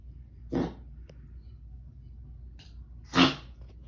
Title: Dog coughing